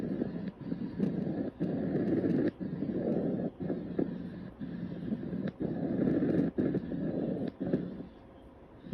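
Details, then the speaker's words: Anterior thorax auscultation over the trachea and larynx: loud, high-pitched, harsh tubular breath sounds with only brief pauses between phases, normal at this site: bronchial (tracheal) breath sounds. "you should hear bronchial or tracheal sounds over the trachea and larynx these sounds are high pitched and very loud have a harsh tubular quality and sound like"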